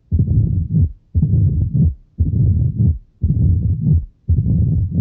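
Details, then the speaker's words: Mitral stenosis at about 58 beats per minute, best heard with the bell in left lateral decubitus (Pachón position): loud first sound, clean systole, opening snap, low rumbling mid-diastolic murmur with presystolic accentuation, radiating slightly to the left axilla. "Entonces, primer ruido cardíaco intenso, sístole limpia, chasquido de apertura, soplo mesodiastólico retumbante o retumbo mesodiastólico y reforzamiento presistólico o telesistólico."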